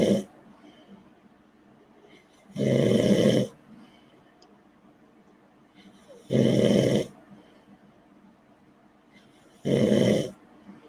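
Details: Three loud, rough snores separated by quiet pauses, about one every three to four seconds, in a quiet room: snoring.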